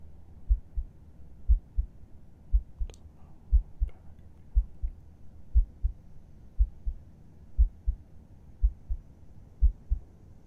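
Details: Adult's heartbeat heard with a listener's head resting on the chest, at rest at bedtime: steady, regular paired heart sounds, about 60 beats a minute, with soft rustling; calm normal resting heartbeat.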